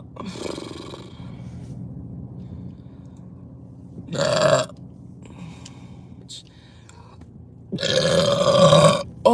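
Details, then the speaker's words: Two loud, deep, rumbling belches with quieter throat sounds between, from a woman burping uncontrollably. "my God that's the Sprite burp right there"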